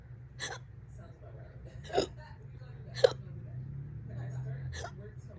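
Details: Four abrupt, throaty hiccups at irregular intervals, roughly one a second, over low background hum. The person has had the hiccups for about 30 minutes, on and off all day.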